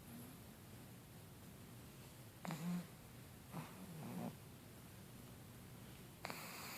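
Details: Pug, a flat-faced dog, snoring: short snorting, snuffly snores on breathing in, separated by quiet pauses.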